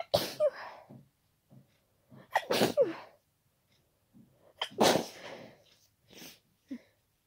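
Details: Adult sneezing during a cold: a run of loud, very wet, powerful unstifled sneezes with catching inhalations between them, nose described as snotty and very tickly.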